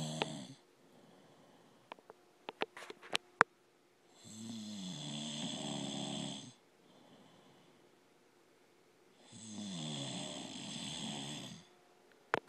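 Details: A husband snoring: two long, rough, buzzing snores on inhalation about six seconds apart, quiet exhalations and faint clicks between; ordinary snoring.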